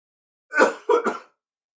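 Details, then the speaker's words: Adult coughing after chocolate ice cream went down the wrong pipe and was inhaled: three quick harsh coughs clearing the airway, then throat clearing; cough after aspiration. "cuz I inhald it like a genius. Did you hear that?"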